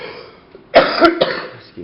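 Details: A short burst of two or three harsh coughs in a small room during lock picking; cough.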